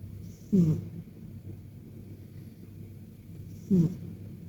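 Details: Persian cat sleeping deeply and snoring: two short, soft snorting snores about three seconds apart over quiet room noise.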